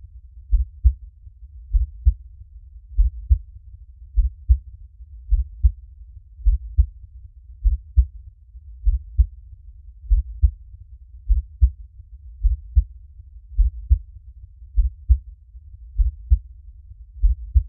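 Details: Relaxing heartbeat recording for sleep: steady, low, paired thumps at about 50 beats a minute; a heartbeat.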